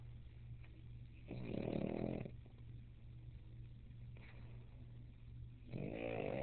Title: puggy sleeping and snoring